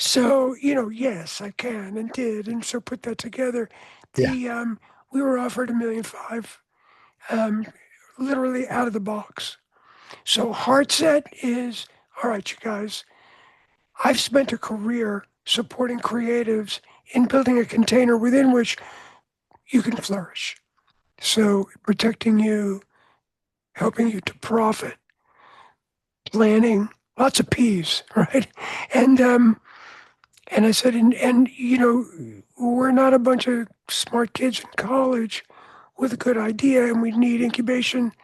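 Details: Adult man with voice change after throat cancer treated with surgery, radiation and two years of experimental chemotherapy; voice change after throat cancer treatment.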